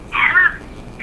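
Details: Dog cough: a single short, harsh, honking-toned cough burst, then quiet room noise.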